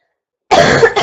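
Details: Sick girl, saying mucus earlier but now none and it is hard to breathe without coughing; a single harsh, dry, throaty, unproductive cough burst.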